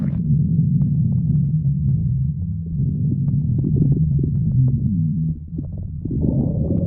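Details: Continuous low gurgling rumble with bubbling pops; stomach growling, normal bowel sounds (borborygmi).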